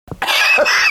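One harsh, forceful cough burst by an adult actor, preceded by a brief short sound.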